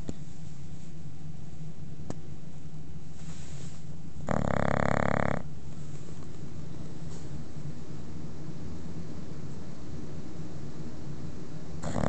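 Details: Sleeping female bulldog snoring: low, rumbling snore under steady room noise, with one louder snorting breath.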